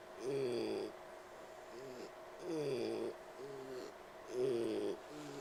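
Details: Slow breathing, about 30 breaths a minute, each breath carrying a musical, whistling wheeze while the pig tries to sleep.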